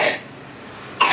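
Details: A person taking antibiotics for a cough gives two short, sharp coughs separated by a brief quiet pause, each an abrupt burst of air noise; an acute cough.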